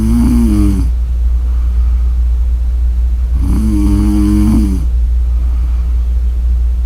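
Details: Two loud, buzzing snores about three seconds apart over a steady low hum; snoring.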